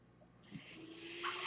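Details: Soft airy hiss building and swelling with faint steady hum partway through, gas rush as the speaker's own mechanical ventilator delivers a breath during a podcast; mechanical ventilator sound.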